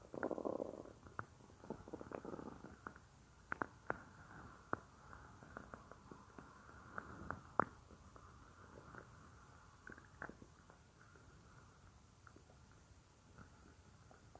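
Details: A woman's own stomach, in a roleplay of the listener lying on her belly while she works at a computer: irregular gurgles, squeaks and rumbling, bubbling sounds. Normal stomach growling (borborygmi).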